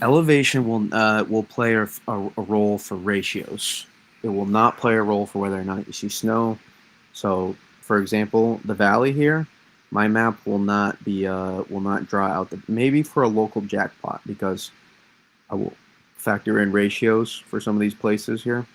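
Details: Lifelong stuttering in an adult man, self-reported as worse when discussing certain topics; part-word and whole-word repetitions; stuttering.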